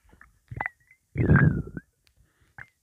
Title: Coke a cola swirling around my stomach